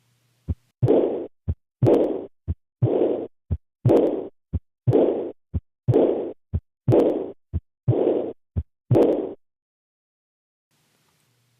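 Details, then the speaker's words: Aortic regurgitation murmur: regular heart sounds near 59 a minute, each followed by a long, blowing, decrescendo diastolic murmur that fades away. "as the blood flows backwards from the aorta into the LV the pressure in the aorta decreases and thus the pressure gradient also decreases this shape is known as de Crescendo"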